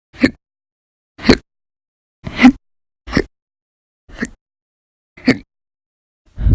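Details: Sharp, abrupt hiccups about once a second, seven in six seconds, with silence between. Violent, very loud persistent hiccups from episodes lasting hours each, recorded 11/1/19 to 11/20/19.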